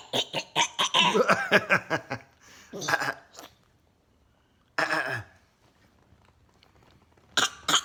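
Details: Rapid run of harsh throat-clearing grunts and coughs, then two more bursts after short pauses, from a male; repeated throat clearing.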